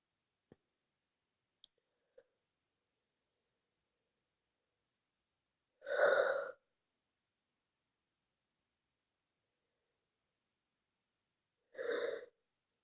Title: More Powerful Sneezes